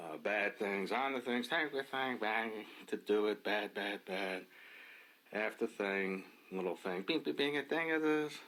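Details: Adult man with Wernicke's (fluent) aphasia, with impaired comprehension and repetition and little awareness of his deficits; Wernicke's aphasia.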